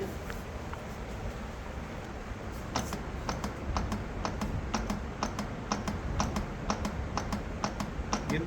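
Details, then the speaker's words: CPR training manikin clicking with each compression reaching proper depth, steady at about 120 a minute (target 100–120), with room talk behind. "Cut cut होंगे तभी आवाज आएगी तो training देखते हैं तो हम देखते हैं प्रॉपर कर रहा है की नहीं"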